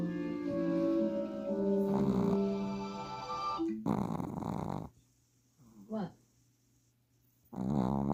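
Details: Loud rumbling snores from a sleeping dog, with television music and sound in the background: snoring.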